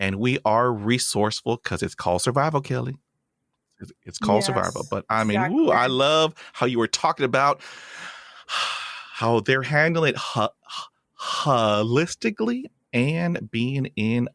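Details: Real speech from the host of a podcast by and for people who stutter: stuttering.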